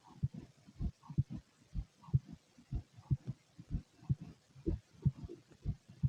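Soft low thumps in a steady rhythm, about 62 a minute; a normal heartbeat.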